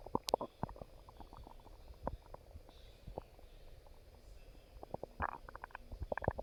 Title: Stomach Growling